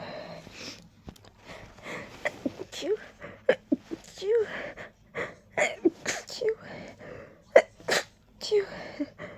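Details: Desperate, tickly rapid repeated sneezing: many short, sharp sneezes in quick succession with quick breaths between them.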